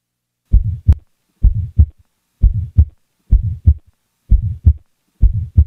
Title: Innocent Systolic Ejection Murmur| Heart sound collection